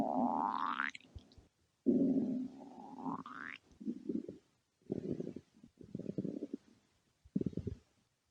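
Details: Cartoon (simulated) stomach growling: two rising squealing sweeps, then a run of irregular low gurgling bursts, like borborygmi.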